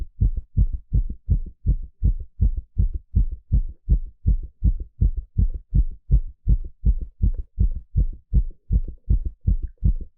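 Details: Loud, steady, rapid low thumps at about 160 a minute with no gaps, live heartbeat sound during an ECG stress test; fast, regular normal heart sounds.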